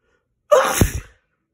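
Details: A single sharp sneeze: a quick indrawn breath, then an explosive burst of air through the nose and mouth.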